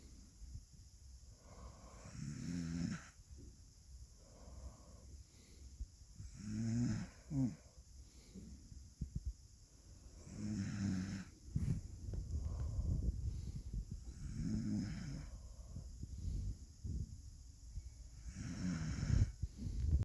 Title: my dog 🐕 maya is snoring